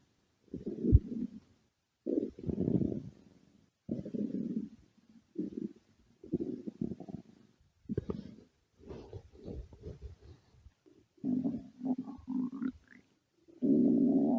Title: stomach growling (request for @amandaforbuddies )